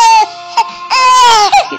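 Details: A baby with hiccups cries while being laid down and comforted. There are loud, tonal infant cries in two main bursts, with brief catches between them.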